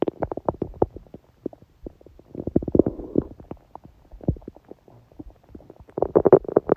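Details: Woman's abdomen during menstruation with only a dull ache: loud, frequent gurgling and bubbling, clusters of popping and rumbling with brief pauses, active bowel sounds.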